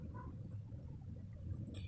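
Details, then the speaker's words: Abdominal assessment demonstration, stethoscope auscultation of four quadrants, here left lower quadrant, listening every 5 to 20 seconds: low rumble with a faint brief gurgle; normal bowel sounds. "so we listen for update vowel sounds for every 5 to 20 seconds so starting with the right lower quarter here right upper quadrant and the left upper quadrant and the last lower quadrant"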